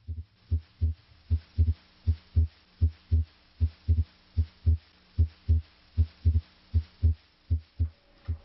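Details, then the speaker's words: Regular heart sounds at about 78 beats a minute, auscultated over the aortic and pulmonic areas, with physiologic splitting of S2 into A2 and P2 on deep inspiration, fusing into a single S2 on expiration. "This physiologic split of S2A and S2P normally occurs during inspiration. During expiration, however, these 2 components are fused into a single sound, S2."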